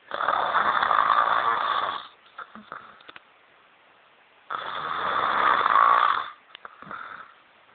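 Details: Adult woman snoring while asleep: two long, loud, rattling inhaled snores about four seconds apart, each followed by a softer breath out, roughly 13 breaths a minute.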